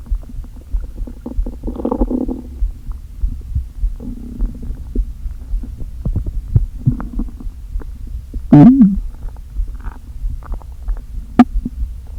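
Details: Stomach growling (borborygmi) after a full day without eating, stomach deliberately inflated with air: low gurgles and hollow empty groans, with a louder squeaky gurgle of air shifting back and forth.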